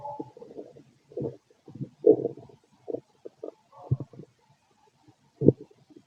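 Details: Stethoscope auscultation of a fit male's stomach: short intermittent gurgles and bubbly rumbles, ordinary stomach growling; bowel sounds.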